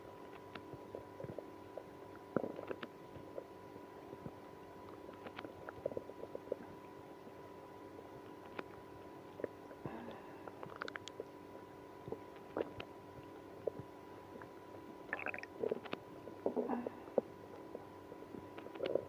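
Faint scattered gurgles and squeaks over a steady low hum: stomach growling in irritable bowel syndrome.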